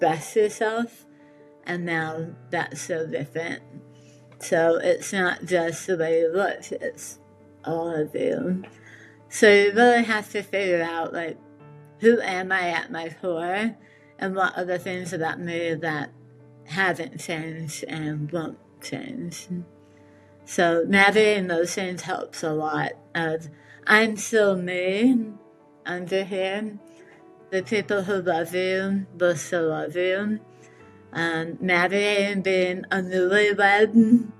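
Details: Adult woman with tongue squamous cell carcinoma; 70% of her tongue was removed from the right side and reconstructed with back tissue, followed by radiation and chemotherapy; relearning speech with a speech therapist: articulation disorder after partial glossectomy.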